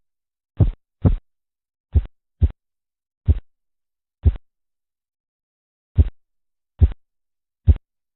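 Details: Korotkoff sounds heard during blood pressure measurement.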